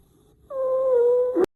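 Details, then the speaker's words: Stridor, from airflow blockage in the trachea such as an obstruction: a single loud, steady high-pitched musical tone lasting about one second. "now Strider has a similar sound to wheezing and is continuous but usually occurs due to a blockage of air flow in the trachea like an obstruction let's listen"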